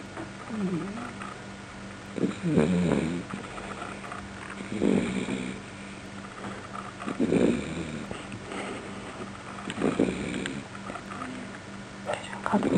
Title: Tux the Beagle Snoring